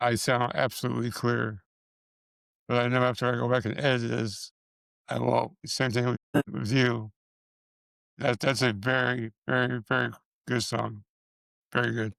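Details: Man with multiple system atrophy, parkinsonian type (MSA-P), who reports his speech has more of a stutter and tremor, more noticeable after the first two minutes; dysarthria in multiple system atrophy.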